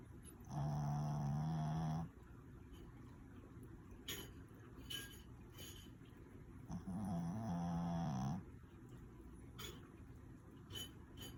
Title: snores